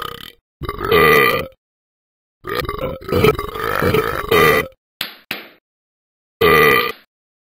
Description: Talking Ben burps several times after drinking and eating.